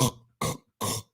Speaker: but when you are asleep it sounds like if you're living with somebody with sleep apnea and most of you notice it sounds like they're dying in the sleep